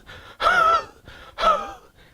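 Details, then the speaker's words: Adult imitating a wheezy cough with expectoration: two coughs with a harsh, whistling wheezy tone. "in idiotic tone you have a very wheezy type of a cuff so and they bring out the expectoration"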